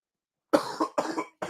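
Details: An adult man live-calling a basketball game, saying he is short of breath, gives a burst of about three harsh coughs in quick succession; cough.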